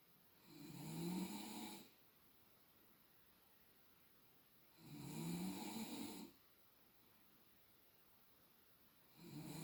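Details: Snoring from an adult woman, recorded alongside a sound level meter: rough, rattling snores on each breath in, about 14 per minute, with quiet pauses between; partner estimates roughly an extra 10 dB.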